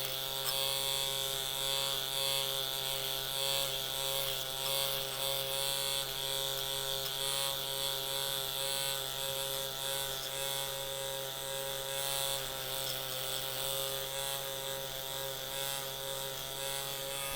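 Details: Steady high-pitched buzz with faint rattling pulses and background music: a microneedling pen worked over a patient's facial wrinkles and expression lines.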